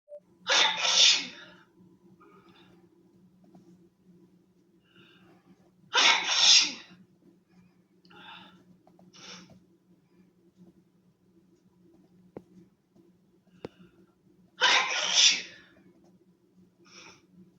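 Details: Woman sneezing: three loud, sharp sneezes with quieter breaths and sniffs between them.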